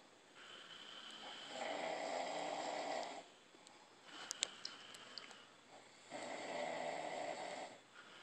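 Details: Two brothers sleeping in a hotel room, recorded by their older brother, two long, harsh, rasping snores on the in-breath with a quieter breath and small clicks between: loud snoring.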